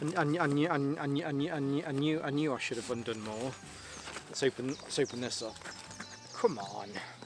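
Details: Adult male with a stammer he links to his anxiety, lingering but improving; stuttering.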